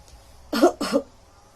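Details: Demonstration of effective coughing for patients after deep breaths (hand on chest and abdomen, three-count inhale, hold and exhale): two short, forceful cough bursts in quick succession to clear airway secretions.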